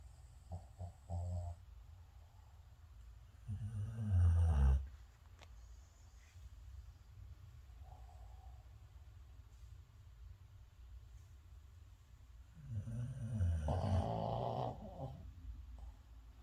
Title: Snoring